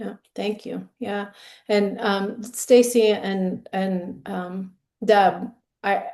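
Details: Adult woman with ALS diagnosed in 2021, onset with hand weakness and swallowing difficulty; now ventilator-dependent for breathing, which she says makes speaking difficult; dysarthria.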